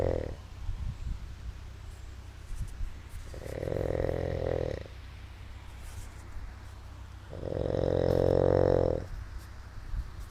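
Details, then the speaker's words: Loud droning snores on each breath in, with quieter gaps between, from an adult filmed asleep as proof of snoring; faint room noise. "Somebody is fucking snoring. Wow. That would be. you snoring crazy."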